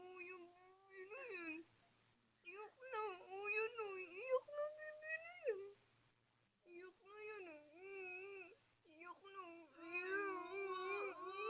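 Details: Wavering, fussy crying in repeated bursts with short pauses for breath, over a faint low hum; an ordinary baby's cry.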